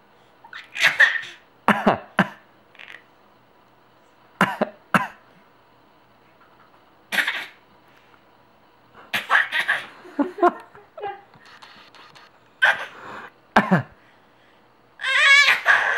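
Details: Short, sharp imitated coughs traded back and forth between people in conversation, with pauses and some laughter; simulated coughing.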